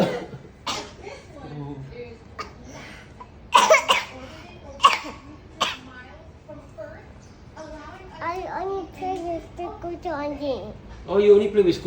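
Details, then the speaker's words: Child coughing during play: about three short, sharp coughs breaking up playful child chatter, with soft music in the background. "Oh, you cough also. You cannot play with me. Yes, you cough also."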